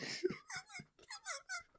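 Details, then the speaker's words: Wheezing in a person with asthma: short run of squeaky, whistling breath sounds in quick pulses, likened to squeezing little rubber toys. "your kind of Asma what kind of sound was that I'm tired of explaining my debilitating disease I Ain never heard that sound that was like that's called wheezing"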